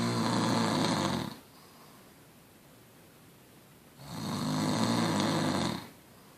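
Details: Snoring: two loud, rattling snoring breaths on inspiration separated by quiet pauses.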